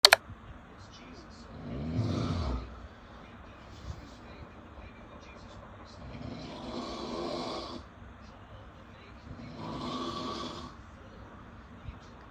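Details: Baby snoring at 3am: three soft, breathy snores about four seconds apart over low room noise; snoring during sleep.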